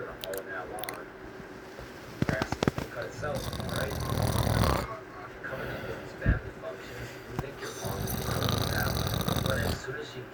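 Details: 12-year-old Latino snoring loudly while sleeping on his back with his mouth open, recorded by his younger sister: two loud, rough, low snores on breathing in, with clicks and room noise between.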